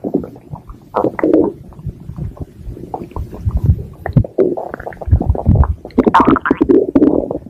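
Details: Stomach growling (borborygmi): irregular low gurgles and rumbling squeaks from the belly.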